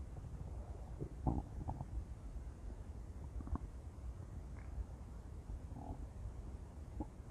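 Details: Intense stomach growling: low gurgling and rumbling bursts over a steady background hiss, the normal sound of gut contents moving; borborygmi.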